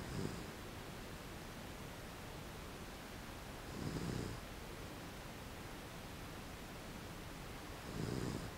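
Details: Slow, soft rumbling snores about every four seconds over steady background hiss from a sleeping dog; the owner wonders whether the snoring is a sign of illness.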